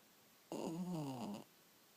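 A single drawn-out, voiced snore with a falling, groan-like pitch from a sleeping dog.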